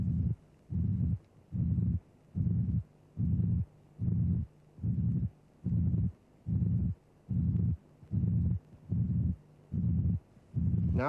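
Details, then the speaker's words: Regular, even-loudness murmur about 73 a minute filling systole with flat, constant amplitude, synchronous with the pulse and obscuring both heart sounds, second sound perhaps just audible; pansystolic murmur of mitral regurgitation, from a cardiac auscultation teaching programme. "The murmur is pansytolic. It is obscuring both heart sounds."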